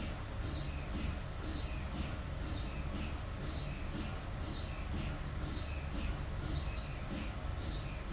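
Loud, continuous mechanical hum with rhythmic high-pitched chirping pulses about twice a second. MRI scanner noise during imaging.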